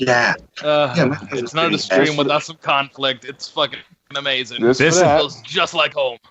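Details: Adult male speaker; normal speech.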